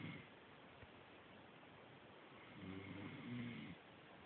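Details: A single low, rumbling snore on an in-breath, lasting about a second, after quiet breathing, from a sleeping animal: snoring.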